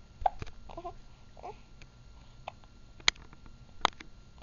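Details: Mabel at 7 weeks old with big hiccups: short, sharp, irregular hiccup bursts with small vocal sounds between them; hiccups.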